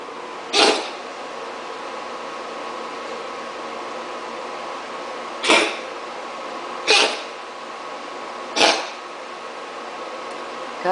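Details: Male cat with hairballs, second episode in a week, coughing indoors: four short, sharp, hissy cough bursts at irregular intervals; given coconut oil after hairball remedy ran out, after which coughing stopped.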